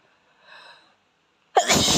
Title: Asian boy sneezes until his nose runs 👃💦